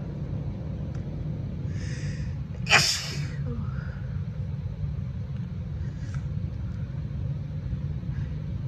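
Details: Adult female with seasonal allergies, itchy and sneezy all day with a constantly runny nose: a quick in-breath, then a single sharp, explosive sneeze over a steady engine-like rumble; an allergy sneeze.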